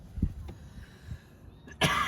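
A single short cough outdoors with traffic noise in the background.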